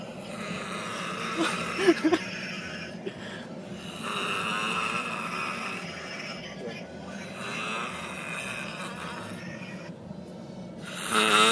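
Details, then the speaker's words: Repeated harsh, rasping snores on breathing in, each a few seconds long, with some background noise; a person snoring very loudly, like a bear. "can snore like a bear."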